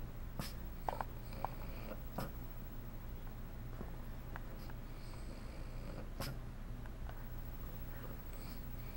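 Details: Plump resting cat trying to fall asleep with hiccups: soft, sharp little clicks and catches at irregular intervals in a quiet room.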